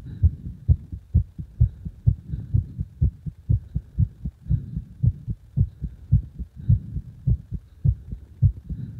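Strong, thudding low heartbeats at a fast rate, roughly 120–130 per minute, with faint background hum.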